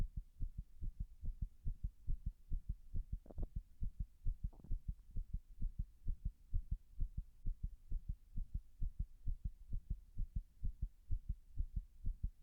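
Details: Arrhythmia heart sounds recorded after 6 minutes of pressure applied while standing against a wall: steady low heart thumps with brief rustling during an episode of irregular heartbeat.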